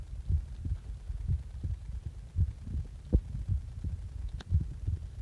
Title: 起きた直後の心臓の音